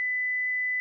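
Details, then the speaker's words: Philips HeartStart FRx AED demonstration with pads on a child's chest and back: steady high-pitched alert tone after "shock advised", with the voice prompting to stay clear and press the flashing orange shock button. "stay clear of patient analyzing heart rhythm shock advised stay clear of patient press the flashing orange button now"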